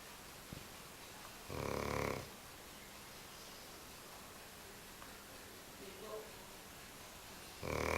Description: My sisters bulldog snoring as always.